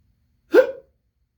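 A single short voiced gulp, typical of a hiccup, in otherwise silent audio.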